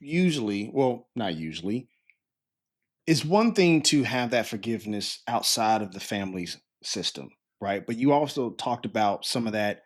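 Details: Adult male speaker; normal fluent speech.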